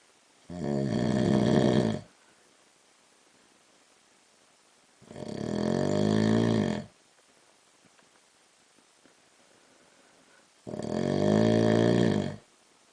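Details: Adult man (husband) snoring at night while asleep, recorded in the dark: loud rattling snores on breaths in, spaced by quiet pauses, about fifteen breaths a minute; heavy snoring.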